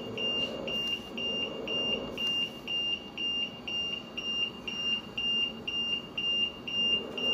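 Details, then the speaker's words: CareFusion LTV 1150 home ventilator alarm during setup: rapid regular high-pitched beeping, about two a second, over a low hum, signalling a problem; it resets itself once the problem is fixed. "long silences here once the problem is fixed it'll reset itself"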